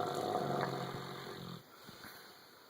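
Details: Ron, a dog, snoring while asleep and dreaming: soft, rumbling, snuffling breaths that fade into quiet; snoring.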